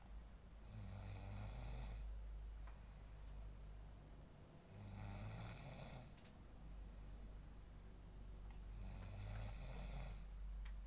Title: trying to wake up her snoring father